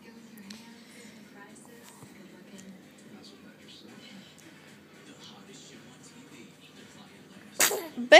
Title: sneezing